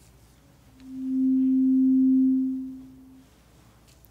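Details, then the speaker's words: Slightly higher-pitched tuning fork alternated between ears in a simulated ASMR cranial nerve exam hearing test: a pure, steady low hum swelling and fading over about two seconds. "all right same thing just a slightly higher pitch we're going to move between your ears same as we just did"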